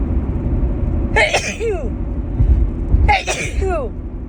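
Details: Two forceful sneezes in quick succession over car engine rumble from a woman with allergies, who sneezes instantly in the car; repeated allergy sneezing.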